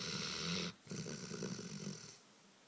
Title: Dogo canario schnarcht- dog snores